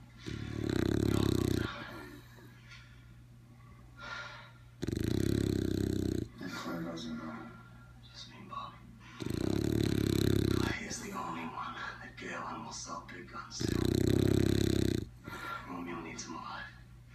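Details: Dog snoring with its eyes open: four loud, low, rattling snores about every four seconds, roughly 14 breaths a minute, with softer breathing between; snoring.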